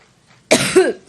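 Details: A single harsh, loud cough with a brief voiced tail from an adult woman speaking at an Ohio campaign rally, which she attributes to an allergic reaction.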